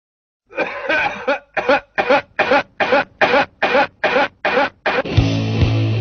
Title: 10J COUGH